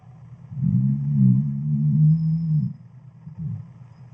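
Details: Female dog fast asleep gives a long, low, droning, trombone-like snore, then a shorter, softer snort; loud, strange tonal snoring.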